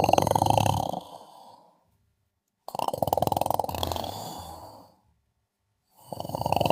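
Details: Rhythmic fluttering snores on each inspiration from a sleeping adult woman, with brief quiet pauses between breaths; snoring.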